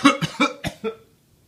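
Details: Adult coughing during a phone call: a rapid run of five short coughs fading quickly into quiet.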